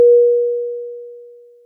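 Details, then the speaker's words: Philips Efficia DFM100 defibrillator/monitor medium-priority alarm for a non-life-threatening condition such as heart rate outside high or low limits: single steady mid-pitched tone fading out in under two seconds. "a medium priority indicates a non life-threatening condition such as when the heart rate measurement violates the high or low limits and requires a prompt response the alarm message displays with the yellow background and sounds like this"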